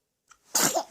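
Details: Baby's single sneeze: a small intake of breath, then one sudden hissing burst.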